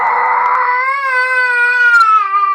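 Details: Baby crying after waking, a sustained, high-pitched tonal wail with slowly falling pitch; infant cry.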